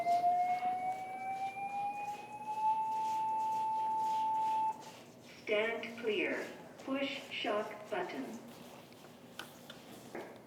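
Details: A demonstration of AED use with paramedics and a city councillor during a CPR demo: a rising whine as the defibrillator charges after analysing a shockable rhythm, then a spoken machine prompt.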